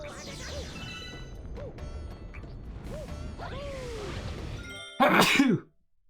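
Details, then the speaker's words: One sudden, loud, explosive adult sneeze that caught the streamer off guard during a live video-game stream, heard over game sound effects and music. "oh sorry that sneeze really snuck up on me I would have I would have warned you ahead of time"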